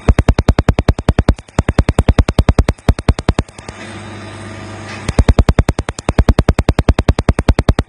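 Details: Laser tattoo removal in progress: rapid, regular loud snapping laser pulses with a brief pause, then resuming.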